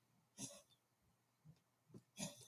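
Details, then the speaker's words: Chihuahua with tracheal collapse: two loud, goose-like honking cough bursts as weakened, flattened cartilage rings narrow the airway; recorded at home with everyday background noise. "It says, cause when cartilage rings weaken, flattening themselves and narrowing the airway. So that cough you hear is him trying to pop those back open so he can breathe."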